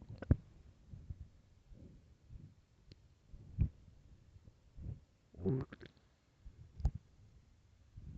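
Soft irregular gurgles and low rumbling groans from the belly in a quiet room: stomach growling from hunger, a normal gut sound.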